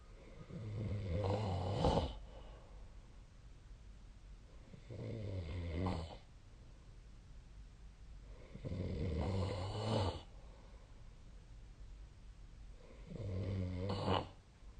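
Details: Snoring during sleep, recorded with the SnoreLab app on 2025/03/10: low, rumbling snores on each breath in, about 16 breaths a minute, with quieter gaps between.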